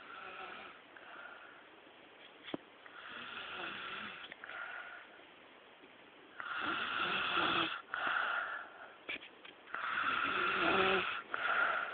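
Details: Sister snoring very loudly during sleep: loud, raspy, whistling breath noises in repeated cycles, with louder bursts later; snoring.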